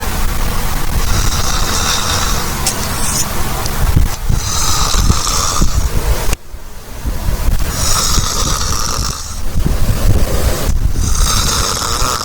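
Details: Loud, rough snores with brief pauses between breaths, about five in twelve seconds: heavy snoring.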